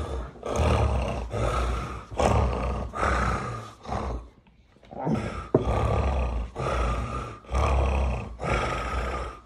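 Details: Tonic-clonic seizure with loud, harsh, rhythmic groaning vocalizations and stertorous snoring-like breaths at about 70 per minute with a brief pause.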